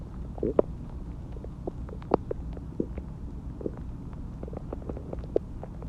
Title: My Stomach Growling After Eating Chinese Food and Drinked Water